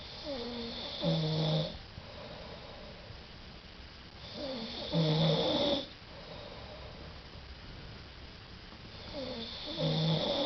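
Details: An adult man snores on holiday: loud, rough, rattling inhaled snores about 13 a minute with quieter breathing between; snoring.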